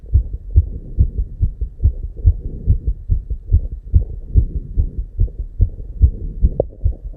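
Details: Heartbeat labelled 290 BPM, real heart sound: fast, fairly regular low thumping with a faint hum behind it; rapid heart rate, tachycardia.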